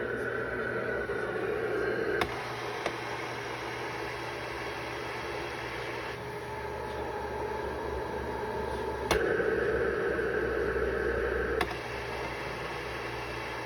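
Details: Cough assist (mechanical insufflation-exsufflation) routine after a small setting change: steady machine airflow switching phases with sharp clicks as the device cycles.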